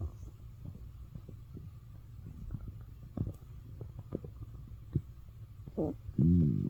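Low gurgling rumbles and bubbling from the belly that end in a louder, drawn-out growl. Ordinary bowel sounds, stomach growling.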